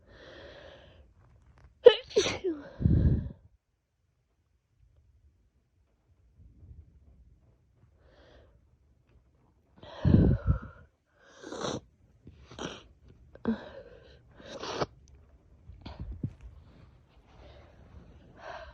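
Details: Several forceful sneezes with sharp bursts and gasping inhalations, then quieter follow-up sneezes, released with a cold after sneezes had been stifled for a long time.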